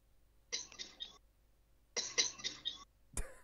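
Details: Secretly made recording of a person coughing, played back; two short runs of dry breathy coughs and a brief sharp burst at the end in a small room; ordinary cough.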